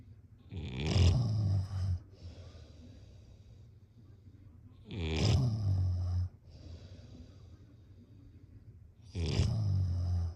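Loud, low rattling snores on inhalation, about 14 per minute, with quieter breathing between them.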